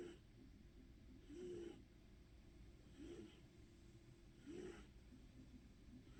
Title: Snoring dreamy Kibby